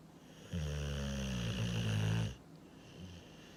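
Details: One long, loud, deep rumbling snore followed by a quieter breath, from Sunny, a sleeping German boxer dog.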